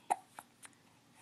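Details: Baby girl, babbling earlier, with three short, sharp, jerky catches in quick succession; infant hiccups.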